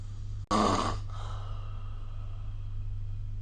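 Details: A single brief, rough breath noise during sleep over a steady low electrical hum, recorded with the SnoreLab phone app. This is snoring.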